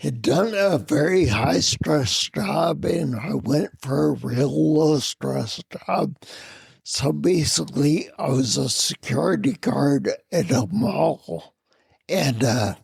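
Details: Adult man with spinocerebellar ataxia of unknown cause, a rare neuromuscular disease; slurred speech began around 1999, with difficulty being understood on the phone; also mobility problems and noise-induced anxiety; ataxic dysarthria.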